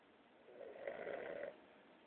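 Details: Boston Terrier snoring during a midday nap: a single rough, fluttering snore lasting about a second over quiet room noise.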